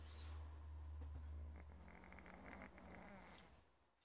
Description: Mimi The Cat Snores Like A Human